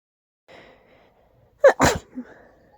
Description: Allergies are acting up again, and the sneezes are quite big 🤧